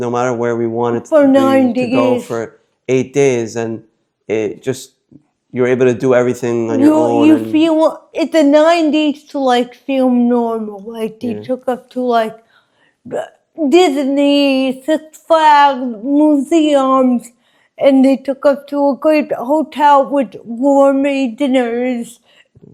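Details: Adult woman with congenital cerebral palsy affecting her walking, face, mouth, drooling and speech; dysarthria (cerebral palsy).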